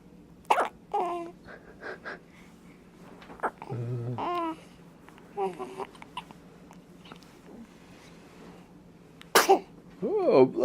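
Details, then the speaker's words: Newborn on day 2 of life giving a sharp sneeze among small vocal sounds and brief hiccup-like catches while hiccups persist; adults talk softly nearby. "you oh bless you and the hiccups are still here"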